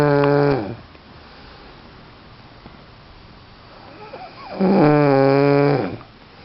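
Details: Lying on a couch snoring loudly: two buzzing, rattling snores separated by a quiet pause of about four seconds.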